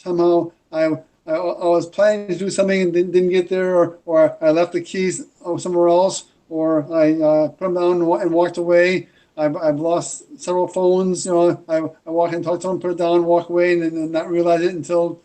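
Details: Adult woman with a brain injury, with a persisting stutter and dysarthria from throat muscle weakness that had left her unable to enunciate words; acquired stuttering.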